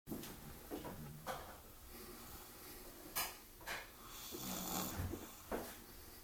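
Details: Snoring after a visit to the park: snuffling, rattling breaths with sharp snorts among steady room noise; noisy snoring during sleep.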